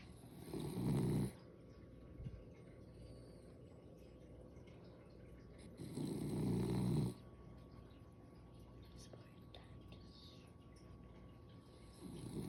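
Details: Sleeping dog snoring: loud rattling snores roughly every five to six seconds, about 10 a minute, with quiet room noise between.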